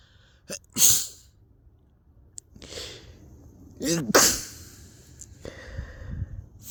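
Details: Two forceful, very messy winter sneezes, each with a sharp indrawn breath and a wet explosive burst, followed by sniffing; sneezing.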